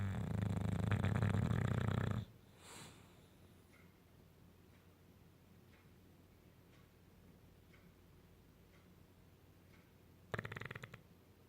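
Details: Male English Bulldog snoring while napping on a couch.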